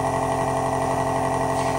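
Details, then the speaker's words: Steady, loud motor hum and buzzing of an Otica ONEB-2 portable compressor nebulizer running after being switched on. "now there is one switch on the back side you have to switch it on on this side machine machine has started coming you just need to rotate this rotator the slow side"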